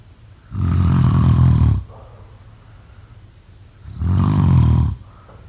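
Loud, deep rattling snores on the in-breath, two in about five seconds with quiet pauses between: heavy snoring.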